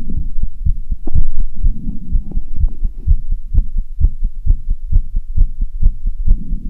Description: After running on the stairs for half an hour I felt very tired and heavy breathing and my heart almost out of my chest